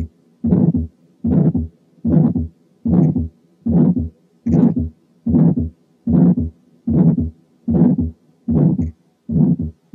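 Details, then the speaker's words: Mild aortic stenosis: regular heartbeat about 75 a minute with a short, somewhat harsh ejection systolic murmur. "بحيث ان very short ejection systolic murmur تساوي very mild aortic stenosis. نسمع بقى حالة mild aortic stenosis."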